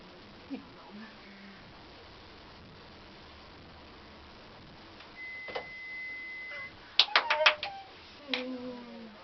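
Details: A steady high-pitched tone lasting about a second and a half, with room noise and clicks around it: an audiometer hearing-test tone during a first hearing test.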